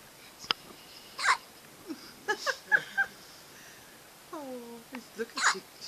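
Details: Baby girl with hiccups, not seeming to mind: several small, sharp hiccup sounds with soft baby noises and quiet room sound between them.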